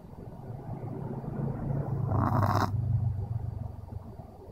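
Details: Snoring from Pixel, a dog: a single low, rumbling snore that swells and fades, with a short breathy hiss at its peak.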